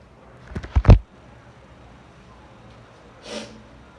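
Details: Sneezing fit after a shower: a quick run of three sharp, explosive sneezes, then a softer breathy puff, in a quiet room.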